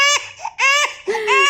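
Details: Young infant of a first-time mother crying repeatedly despite feeding, waking often; mother suspects colic (kabag). Loud, high-pitched, tonal crying bursts with brief pauses for breath.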